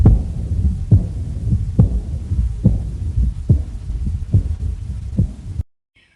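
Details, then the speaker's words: Aortic regurgitation heart sound, rate near 70 a minute, soft blowing murmur filling the pauses between beats; S1 usually absent and S3 common in this condition. "E uma terceira bulha cardíaca é comum. Aqui temos o som da insuficiência aórtica."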